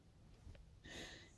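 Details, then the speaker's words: Sleeping pet dog snoring in the background: one soft, hissing, snorting breath in a quiet room, light snoring. "and then as you can hear snoring in the background is this little monster hey Kyle"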